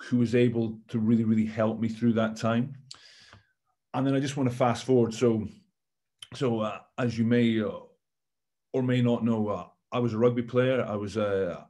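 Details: Stammering in an adult male former rugby captain, speaking on a panel.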